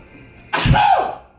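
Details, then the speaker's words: Adult sneezing after a big sniff of strong chipotle pepper rub seasoning, unable to stop: a single loud, explosive sneeze with a sharp onset and a trailing voiced release. "Oh my gosh. Those are sneezes, by the way, not coughs. Bless you. Snos. I can't stop sneezing."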